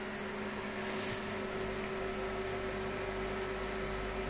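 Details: Steady machine hum with a constant low tone and fan-like noise as an Nd:YAG tattoo-removal laser unit is powered on with its key and runs.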